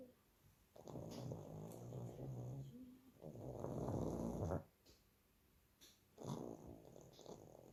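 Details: Two-year-old pug, sleeping: rough, rattling, snorting breath noises in irregular bursts with a faint whistle; snoring.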